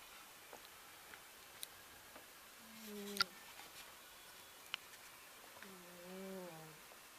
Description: Old female black cat caught snoring.